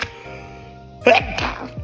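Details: Soft background music, then a sudden loud explosive burst of air, followed by a second, weaker noisy burst: a single adult sneeze, which the person had felt coming.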